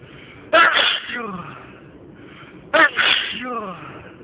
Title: Unstifled loud sneezing fit